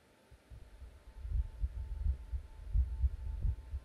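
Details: A person's heartbeat heard live through a digital stethoscope: soft, low lub-dub beats at about 86 a minute with a faint steady hum.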